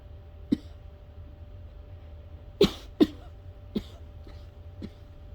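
Several short, sharp coughs in quick succession over a low room hum, typical of an asthma coughing fit.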